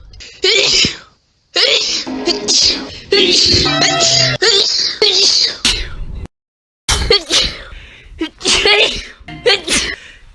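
A run of loud, sharp sneezes in quick succession, separated by brief silences.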